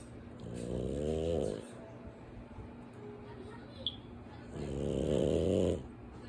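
Two slow, rattling inhaled snores about four seconds apart, with quiet breathing between; ordinary snoring during sleep.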